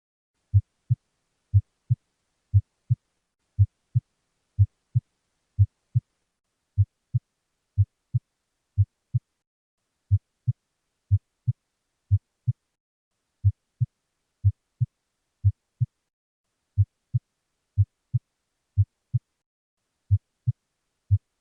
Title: Normal S1 and S2 Heart Sounds With Explanation